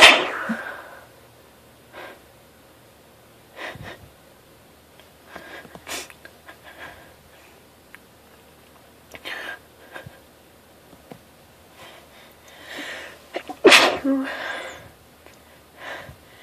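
Several sharp explosive sneezes, some with a loud forceful burst, separated by quiet breathing and sniffs; repeated sneezing.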